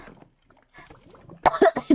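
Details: A girl who says she has been coughing a lot and has a headache: quiet sounds, then a quick run of about three harsh coughs.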